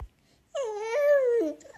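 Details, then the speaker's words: A single brief, high-pitched cry from a baby boy, rising and then falling, in a quiet room, shared as an audio clip. "iggy elle dit baby boy tu vas me dire quelque chose et on entend les petits cris du bébé"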